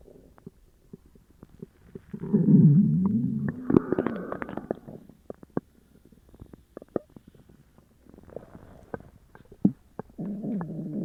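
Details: Upset stomach after eating sugar-free gummies: loud, long gurgling and rumbling bowel sounds with scattered pops and squelches; borborygmi.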